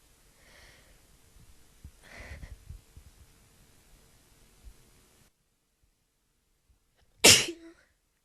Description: Really short but pretty good build up and crazy sneezes!